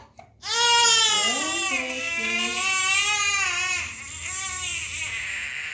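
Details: Baby boy crying after his first vaccination: loud, sustained infant crying with rising and falling wails, a pain cry after the injection.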